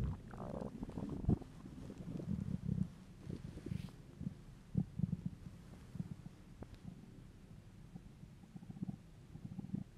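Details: An adult male's empty, hungry stomach: deep, drawn-out rumbling and low gurgles, normal hunger bowel sounds (borborygmi).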